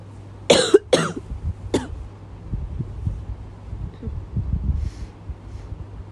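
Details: Woman coughing at night and unable to stop: two sharp coughs, then a softer third, followed by quiet room noise.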